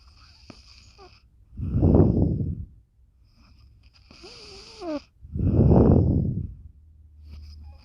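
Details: Pet dog snoring: two loud, rumbling snores in rhythm with slow breathing, with a faint whistle between them.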